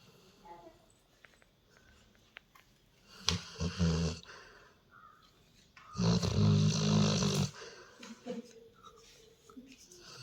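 Two rattling, low snores a few seconds apart against quiet room noise; snoring.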